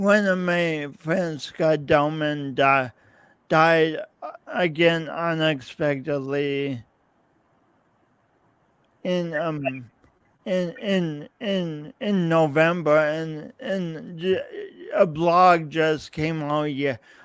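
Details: Man's real speech impediment with coordination differences, self-described; he says practice may make him clearer over the years but the differences persist; speech impediment (disfluent speech).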